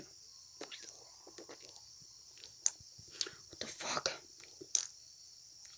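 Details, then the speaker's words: An adult with Tourette syndrome, who also has PTSD, demonstrates a vocal tic: short, wet, hissing, fart-like puffs of air pushed between the teeth and cheek on one side, as the other side has two teeth missing. "Okay, so it's still kind of side cheek like a fart. You push air between the teeth and the cheek, and you push out."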